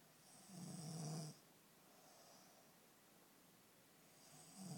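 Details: Woman snoring in sleep (she says she never snores): a low, rattling snore on the in-breath, a quiet out-breath, then the next snore begins.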